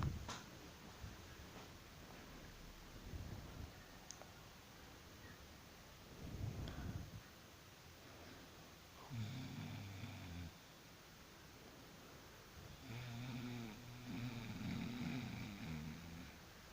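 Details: Person snoring while asleep after work; low rumbling snores in bursts over soft breathing noise in a quiet room: snoring.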